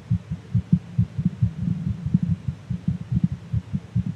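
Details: Fast heartbeat of a VTuber extracted from a live stream, described as too fast to be calming; muffled low thumps repeating quickly over a faint hum.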